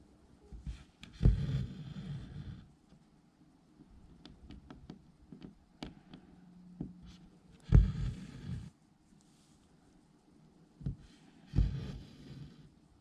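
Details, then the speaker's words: Pet snoring while lying asleep behind the owner's cross-stitching: soft, low rumbling snores, about three over thirteen seconds, with light tapping nearby. "Loki's snoring. Sorry if you can hear him. It's not that loud right now, but it's kind of cute."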